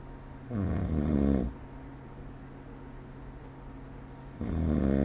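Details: Snoring recorded with the SnoreLab app: two loud, rough, low-pitched inspiratory rattles about four seconds apart, with quiet breathing and faint room hum between them.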